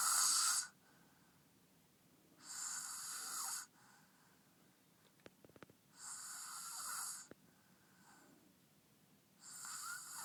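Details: Male sleeping very deeply after being very tired: harsh, hissing snores about every 3 seconds, roughly 20 a minute, with quiet gaps between; ordinary snoring.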